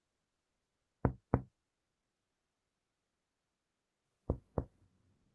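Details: Chest percussion demonstration in a nursing and paramedic class: two pairs of sharp finger-on-finger taps, then a brief voice; resonant notes over lung and dullness at the fifth rib.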